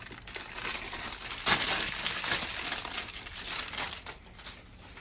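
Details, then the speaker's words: Crinkling plastic as a 0.9% normal saline IV bag is unwrapped and gently squeezed to check for tears or leaks, priming IV tubing in a nursing skills checklist demonstration. "Step 2.2, remove IV solution from packaging and gently apply pressure to the bag while inspecting for tears or leaks."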